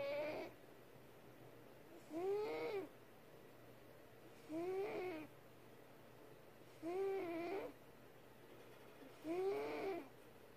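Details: Cat snoring: regular whistling, squeaky snores about every two and a half seconds, roughly 25 a minute, in a quiet room.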